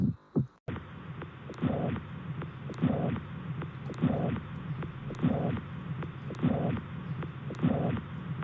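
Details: Regular, slow lub-dub heart sounds through a stethoscope, about 50 beats a minute, over steady background hiss: normal heart sounds.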